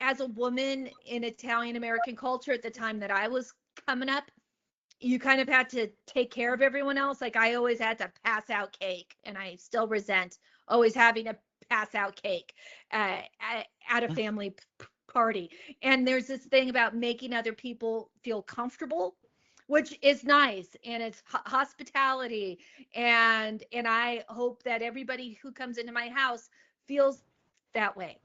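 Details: Stuttering in an adult woman, onset at age eight, the same year dyslexia was diagnosed; speech therapy since age two for an auditory processing issue.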